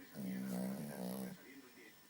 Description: Mirar como ronca mi perrito cuando duerme jeje